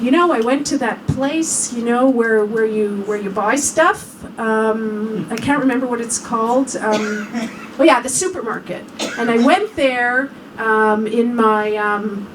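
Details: Acted imitation by a clinician of early Alzheimer's disease aphasia: word-finding difficulty (anomia) with pauses and circumlocution, described as the onset stage before speech loses logic.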